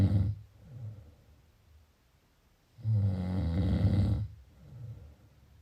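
Deep, low rumbling snores on the in-breath with softer out-breaths between them, about five seconds apart. Snoring during sleep.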